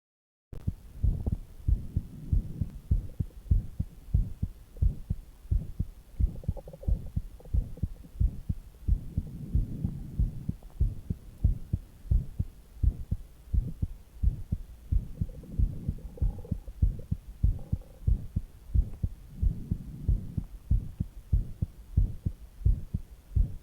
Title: resting heartbeat with stomach noises